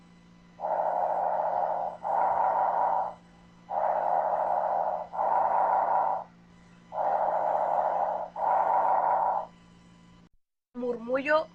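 Soft, even breath sounds with inspiration and expiration of similar length: normal bronchovesicular breathing at about 20 breaths a minute.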